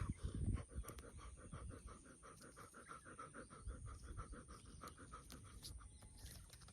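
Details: Fast, rhythmic panting at about five quick breaths per second from an 11-year-old female dog after swimming and walking in hot sun, with waves and birdsong behind.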